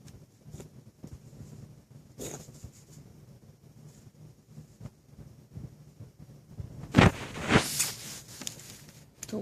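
A dog gives a short run of two or three harsh, forceful coughs in a quiet indoor room.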